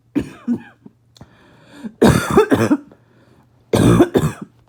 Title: Barking Cough #3